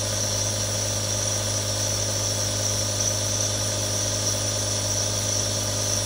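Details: Three real nebulizers running together for relaxation: a steady, unchanging motor hum with a low drone and a high hiss of aerosol, the continuous sound of nebulizers running.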